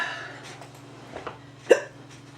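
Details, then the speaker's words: Hiccups in a person who says they hurt in the chest and interfere with talking: one sudden, sharp hiccup after a few softer breath noises, with low room hum. "see I have hiccups it's it's not it's not fun CU it hurts so yeah I have I have hiccups and they don't feel good cuz I can't talk see my hiccups I know they sound funny"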